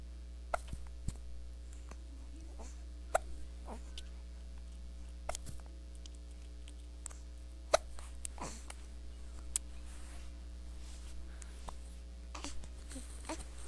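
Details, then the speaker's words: Hiccups: soft, brief hiccup sounds recurring irregularly, about 13 a minute, over a steady low room hum. "Hiccups are gross."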